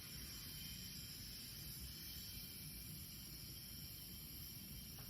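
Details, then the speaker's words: Jet nebulizer with face mask, flow set to eight, on a simulated patient in a sim lab: steady soft hiss as mist comes out. "And actually, you see that uh mist coming out? Um this is going to go into your face."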